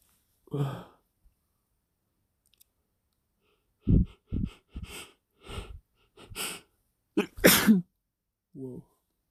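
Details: Wet, a little forceful sneezing fit after sniffing chhinkni: a run of several short, explosive sneeze bursts close together, some with a wet, spluttering quality.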